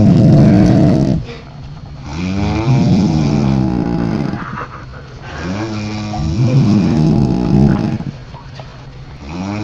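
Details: Two sleepers snoring at once: loud, rough, low rattling snores in long drawn breaths, with a second snorer overlapping; ordinary snoring.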